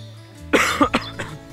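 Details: Adult acting out a short run of about four coughs over background music, a persistent cough, in a TB awareness message (cough lasting 14 days warrants a doctor's check).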